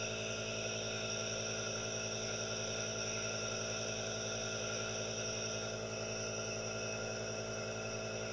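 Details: Aerosol nebulizer running during relaxation with hand movements: steady, continuous mechanical hum and hiss, with no talking.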